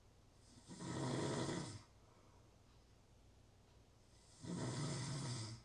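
Two long, rasping snores on inhalation about three and a half seconds apart, quiet between; steady snoring in sleep.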